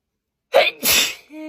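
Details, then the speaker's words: Sneeze framed as an allergy flare, said to be triggered by coffee, with a runny nose: a single sharp sneeze with a short intake before it, then a brief voiced sound. "There are some certain foods and drinks that like really make me sneeze, like coffee, gravy, strawberry milkshake, tough paste."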